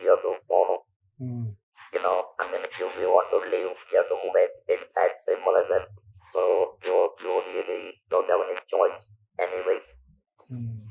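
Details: Male survivor of stage 4 vocal cord (throat) cancer since 1997, natural voice lost after surgery, about 10,000 days since; speaks using an electrolarynx device; electrolarynx speech.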